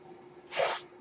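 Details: Man speaking while on a mechanical ventilator: a brief, soft rushing hiss of air rises and fades over a steady low hum in a quiet room, the ventilator's delivered breath.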